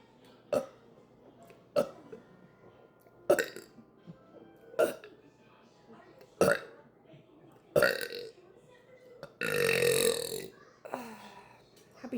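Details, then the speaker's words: Run of repeated burps followed by one long, loud belch, with background music, during a drink tasting. "Here's a burp for you guys. Ready? Nope."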